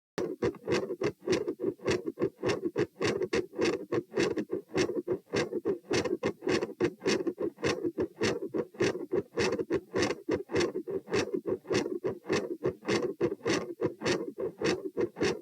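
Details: Heart sounds recorded at position P, standing then lying: rapid, regular, scratchy beats near 100/min with a harsh, escalating loud murmur filling much of each cycle.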